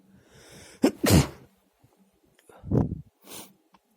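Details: A sharp two-part sneeze, a quick intake then an explosive burst, followed by a second smaller sneeze and a sniff; sneezing.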